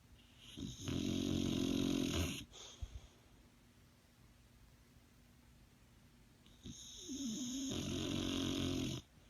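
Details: Bulldog sleeping in the morning and snoring contentedly: long, loud, rasping snores with a fluttering rattle, two breaths several seconds apart.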